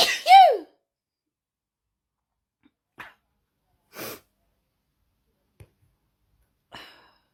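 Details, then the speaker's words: Sneezing fit of unknown trigger, one of several in a row with more sneezes before recording: a loud sneeze followed by several smaller sneezes and sniffs in a quick run. "Oh dear, it just goes on and on. Oh. Oh. There's more, but I have to go to work."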